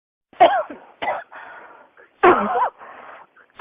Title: 咳が止まらない 21 cough